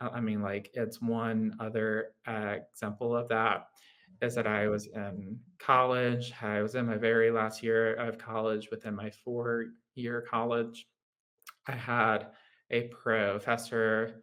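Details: Adult man with lifelong childhood apraxia of speech, a neurological motor speech disorder: childhood apraxia of speech.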